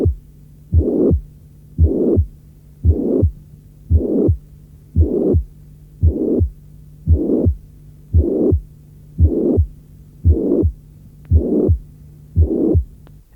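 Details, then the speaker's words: Teaching-course recording: regular heartbeat near 57 a minute with a late systolic crescendo murmur that begins faint and swells up to the second sound. Such a murmur is often due to mitral regurgitation, loudest at the apex and high-pitched. "Le souffle peut présenter un profil crescendo : après un début faible, il peut s’accentuer jusqu’au deuxième bruit."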